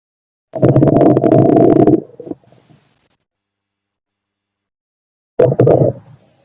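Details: Stethoscope over the abdomen of a male: two loud gurgling, rumbling bursts of ordinary stomach growling (borborygmi, bowel sounds).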